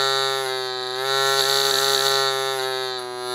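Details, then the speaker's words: Metal reed-based sound-producing voice prosthesis in a shunt valve, oesophageal and tracheal sides, bench demonstration: steady buzzing reed tone whose pitch barely changes with airflow. "you can see the metal element better on this View and this is the sound of the read"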